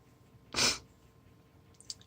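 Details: A single sharp, forceful sneeze in a quiet room from an adult on day 2 of a cold, recorded on a phone; sneeze.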